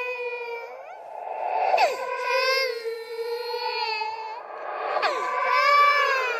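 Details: Simulated ghost baby crying from a horror sound-effect compilation: drawn-out, high wailing cries with strong echo; infant cry.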